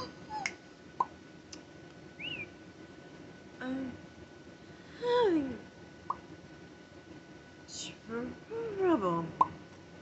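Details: Vocal tics in a parent of five, starting after a stressful day of phone calls, while being treated for a bad ear infection with antibiotics, steroids and Tylenol, and having stopped Benadryl: scattered brief squeaks, whistles, pops and hiccup-like gulps at irregular intervals.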